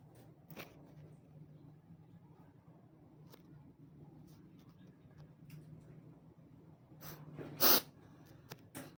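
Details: Quiet room hum, then a single sharp, explosive sneeze near the end; sneezing.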